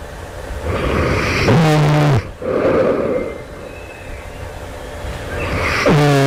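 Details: Loud, rough, rattling snores on the in-breath with quieter breaths between them, heard during sleep just before awakening; the person wonders whether they are developing sleep apnea.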